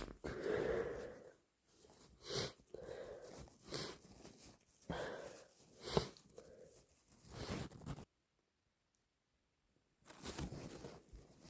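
Two wet, forceful sneezes with congested sniffing and noisy nose blowing, typical of a head cold.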